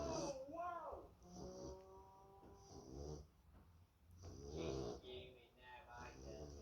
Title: Pablo snores like me 🤣🤣😴🎶 he loves his poppa ❤️ #yorkshire #farminglife #dog